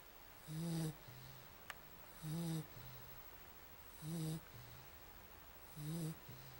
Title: Snoring Louder